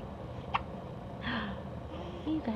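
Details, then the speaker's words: 5-week-old infant: a single sharp, brief hiccup among rapid-fire hiccups, followed by soft baby vocal sounds. "oh do we have hiccups now those are rapid fire hiccups"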